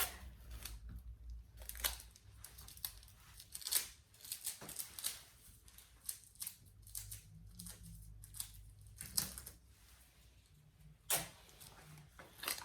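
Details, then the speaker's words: Soft crinkling, tearing and peeling of medical tape removed to apply a transparent dressing after peripheral IV insertion, aspiration and flush, during a nursing IV insertion checkoff demonstration. "So now I can go ahead and apply my transparent dressing. I will remove this tape."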